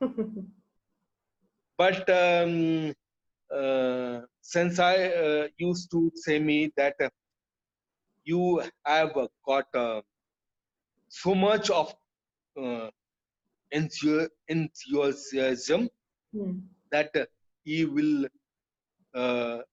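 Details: Adult male with chronic aphasia after a haemorrhagic stroke to the speech centre; he lost all speech, was told he would never speak again, and relearned it through years of speech therapy, still hesitating and leaving sentences unfinished.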